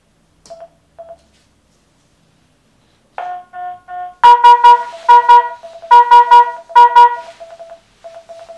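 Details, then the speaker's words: Manual defibrillator preventive maintenance using a low-tech alternative ECG simulator: brief tones, then a repeating loud multi-tone alarm as the heart rate alarm limit is set above the simulator rate during a function test. "on refait le test en réglant la limite d'alarme base de fréquence cardiaque au-dessus de la valeur du simulateur alternatif DCG et on vérifie que l'alarme se déclenche"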